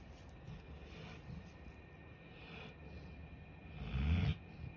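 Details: Sleeping Golden Retriever snoring: quiet, low rumbling breaths ending in one louder snorting snore near the close.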